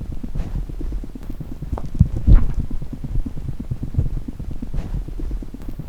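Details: Pet chipmunk's heartbeat: a very rapid, even run of soft low thumps with occasional rustling noise.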